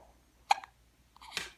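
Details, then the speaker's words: A baby hiccuping repeatedly while making faces; hiccups. "what why you hiccup so much maddox you make all those faces"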